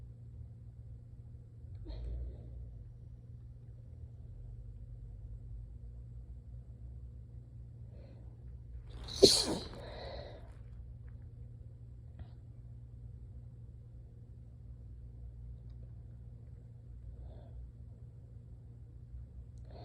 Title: Absolutely exhausted + INTENSE, desperate, teasing sneezes!